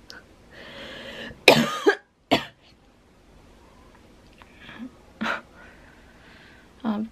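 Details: Lingering dry cough after COVID-19 (Omicron) home isolation, which also brought sore throat and loss of taste; the cough persisted long after release from isolation. Several short dry coughs with throat clearing and a little room noise.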